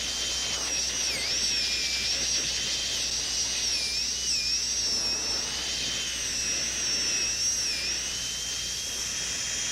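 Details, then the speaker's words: Continuous high-pitched dental drill whine wavering under load: W1M diamond on a high-speed handpiece reducing the lingual cusp and occlusal surface of a maxillary second premolar for a porcelain-fused-to-gold veneer. "to reduce that lingual cusp a little bit more we're going to switch to a w1m diamond to reduce that slightly"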